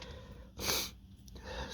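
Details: Allergic sneeze from dust at work, flaring allergies: a single sharp, hissing sneeze burst between soft breaths.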